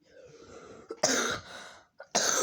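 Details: Two loud, harsh adult coughs, each with a brief catch just before it, over faint room hiss.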